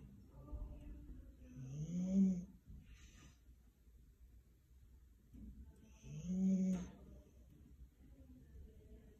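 Deep rumbling snores about four seconds apart, each followed by a short whistling outbreath; a large dog snoring in sleep.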